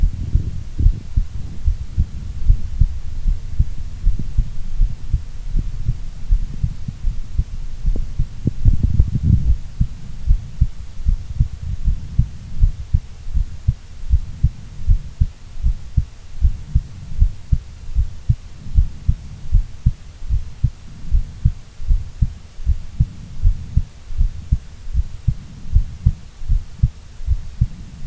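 Steady, low, muffled heartbeat thumps at about 78 beats a minute, with a faint background hum.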